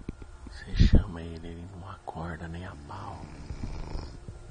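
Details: Person snoring while asleep: low, rumbling snores while breathing in, with faint talk in the background; ordinary snoring.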